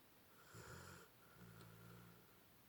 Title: Dog Snoring